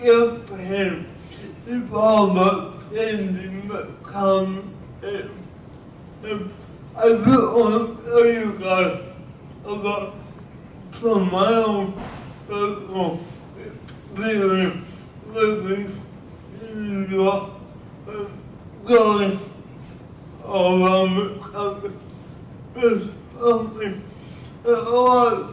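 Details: Adult filmmaker speaking at a cerebral palsy event, with largely unintelligible speech. Finding: dysarthria.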